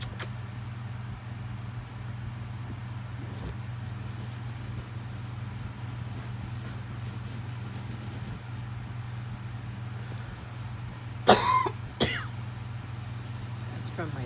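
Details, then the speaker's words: An adult outdoors gives two short coughs, which the patient says come up from the lungs, over steady low traffic or engine hum; the patient attributes the cough to frequency exposure. "That's from my lungs."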